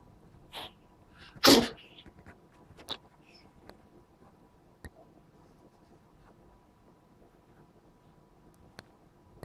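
A few small sharp sneezes, one louder than the rest, followed by quiet sniffs and clicks. Sneezing in a cat.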